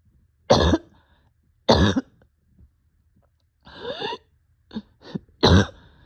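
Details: Patient short of breath with barking cough: three loud, harsh coughs with a strained, noisy in-breath and short throaty sounds between them.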